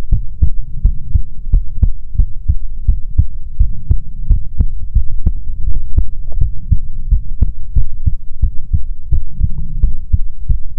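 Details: Steady, regular heartbeat thumps over a constant low hum; soothing ASMR heartbeat recording.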